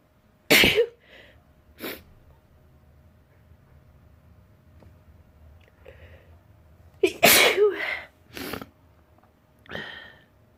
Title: Sneezing / 2